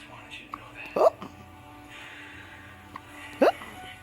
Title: Baby Hiccups! The cutest!